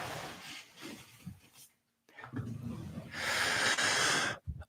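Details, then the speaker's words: A person with asthma, having just stood up, makes noisy, rasping breaths ending in a loud hissing breath with a thin whistling tone; asthmatic wheezing. "oh my God my asthma or asthma I'm literally wheezing jeez poex are alert holy serotonin um it sounds like a creature I wonder if you guys can hear"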